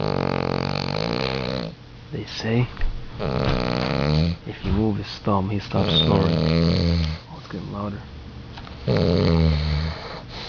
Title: lickie snoring